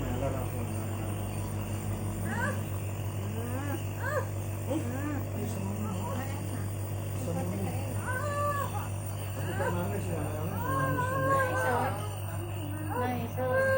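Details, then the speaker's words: Toddler with his first cough, attributed to dust allergy, receiving a nebulizer treatment: rising, wailing cries as he starts to struggle, over steady nebulizer hum and adult talk; infant crying. "Mulai meronta dia. Mulai tak enak ya."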